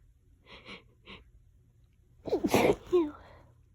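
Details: Short sharp nasal bursts followed by one loud explosive sneeze; part of nonstop allergy sneezing that lasted about 20 minutes.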